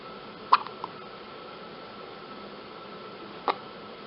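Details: Newborn baby girl, only hours old, with her first hiccups: two soft, abrupt hiccup sounds about three seconds apart over quiet room hiss.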